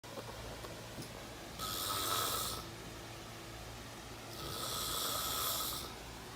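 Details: Loud snoring during sleep: two loud, harsh, rattling snores on the in-breath at about 20 breaths a minute, in a quiet room.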